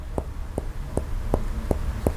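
Six short, flat finger taps on the chest at a steady pace, each dying away quickly without ringing: a dull percussion note over the heart.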